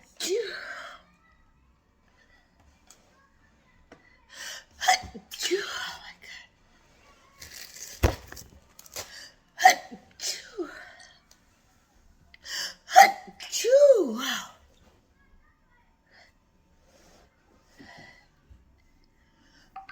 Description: Really wanted to do some work but the weather keeps making me sneeze!